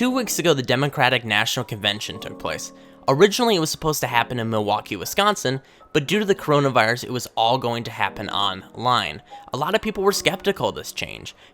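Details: Adult male speaker; normal speech.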